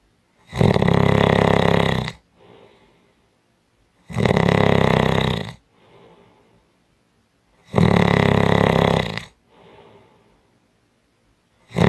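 Loud, harsh rasping snores on each breath in, about every 3.5 seconds, with faint breaths out between; heavy snoring.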